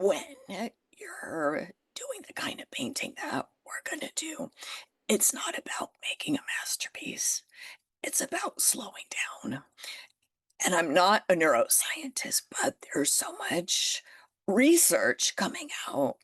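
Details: Adult woman with spasmodic dysphonia that developed after stress and illness, still audible in her voice; managed naturally, declining Botox; spasmodic dysphonia.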